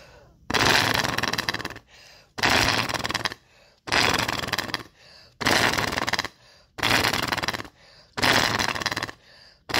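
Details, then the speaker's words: Patient with acute breathing problems weaning off oxygen demonstrates flutter valve: deep breath then repeated long rattling exhalations through the adjustable flutter valve, quieter breaths in; oscillating positive expiratory pressure breathing exercise. "basically take your deep breath and then exhale it into the flutter valve. And this turns to make it more difficult. Just twist."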